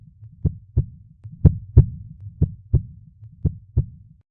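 Steady paired lub-dub heartbeats, about 60 a minute, with a low rumbling background between beats.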